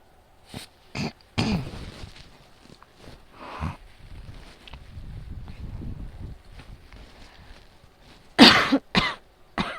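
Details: Coughing during a night-time asthma attack that prevents sleep: about seven harsh coughs in short bursts and clusters, with fan noise in a quieter stretch between them.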